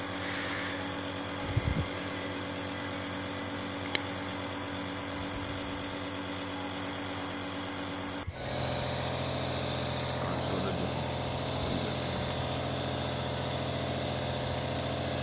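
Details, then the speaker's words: Steady mechanical hum and buzz of a nebulizer compressor running, with a brief pitch change; compressed air turns medicine in the cup into mist, given to a baby without a mask. "ctricity wire and switch the machine machine so the dwelling becomes into pine mist and it will go directly into lungs through nose and dilate diaries"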